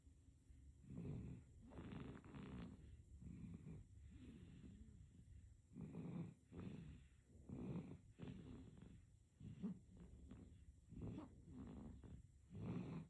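Soft, irregular rattling snores with each breath, roughly 12 a minute, from a sleeping baby.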